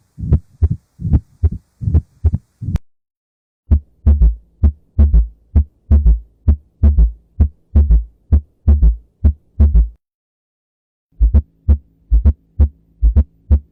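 Low, regular heart thumps near 65 a minute with extra diastolic sounds, in several short segments.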